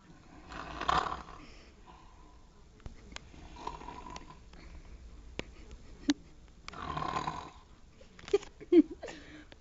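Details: Sleeping female snoring: two rough snoring breaths a few seconds apart, with scattered clicks and knocks in a quiet room.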